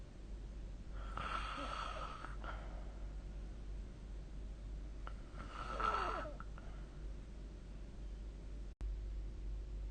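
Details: Snoring recorded with the SnoreLab app: two rough, rattling snores about four to five seconds apart over a steady low background hum.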